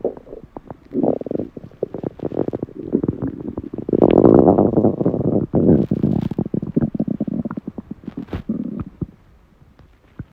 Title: おなかの空腹音#2/Stomach growls sounds#2/hungry